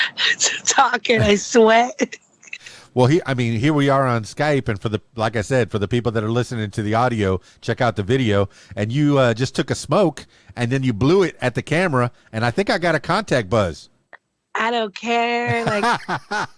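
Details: Adult male speaker; normal voice.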